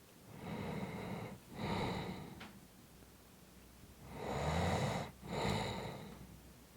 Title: 5 Minutes of snoring Audio